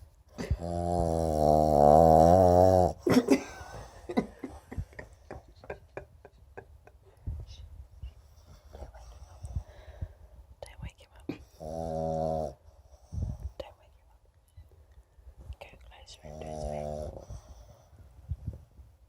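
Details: A Pug dog: loud, rough, buzzing breath sounds recurring between quieter snuffling and clicking; snoring.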